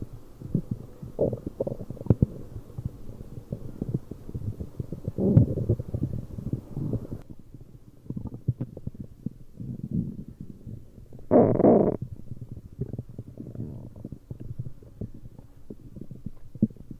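Irregular gurgling and rumbling bursts, with a louder squeaky gurgle near the end: ordinary bowel sounds, stomach growling.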